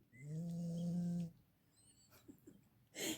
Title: perrito roncando.